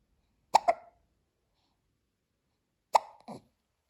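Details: Newborn baby girl's first hiccups, in the morning: two pairs of short, abrupt, voiced catches about two and a half seconds apart in a quiet room, each a sharp hic followed quickly by a softer one.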